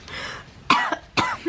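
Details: A young woman's coughing fit, possibly faked as a joke: a softer breathy sound, then two sharp, forceful coughs in quick succession.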